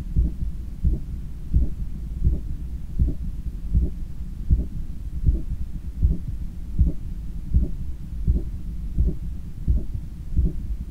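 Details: Stethoscope recording of own heart after a 10km run, lying on a daybed leaning on the left side while controlling breathing: strong, regular low thumping heartbeat about 80/min; normal heart sounds after exercise.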